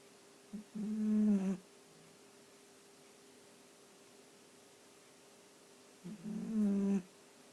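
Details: A sausage dog snoring.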